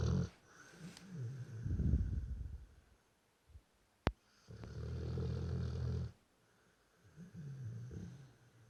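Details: Sleeping dog snoring again: deep, rumbling, fluttering breaths of varying length with quiet pauses and a sharp click in the middle; snoring.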